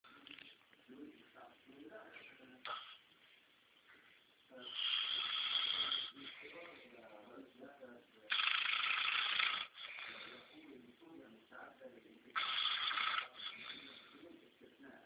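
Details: Three loud, rasping snores, each about a second long, with quieter breathing between, from a person taking a nap at work.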